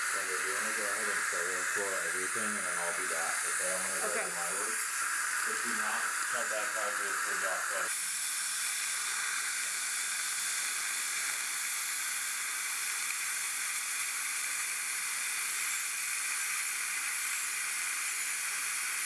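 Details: Ultrasonic dental scaler running during an in-office cleaning of tartar, plaque and calculus, with water warmed to body temperature for cold-sensitive teeth; a steady high hiss and spray, with brief muffled talk at the start.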